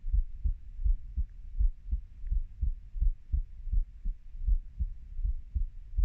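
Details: Steady low heart thumps at about 83 beats a minute from a 30-year-old's own heartbeat recording; regular normal heartbeat.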